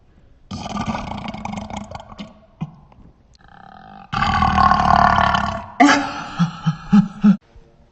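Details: Burping: long rumbling burps, one sustained about two seconds, then a few short grunting belches.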